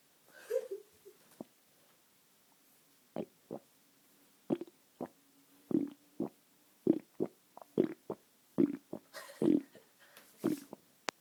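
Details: Irregular gurgling and squelching bursts from the belly when the person presses on their stomach: bowel sounds (borborygmi).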